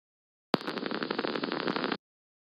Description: LEMG, example for activity